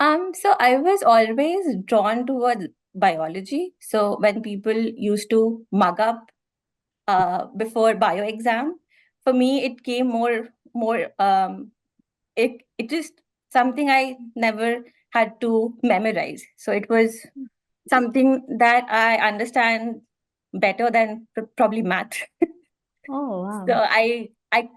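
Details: Adult woman who stammers, speaking as a guest in a podcast interview series with women who stammer: stuttering.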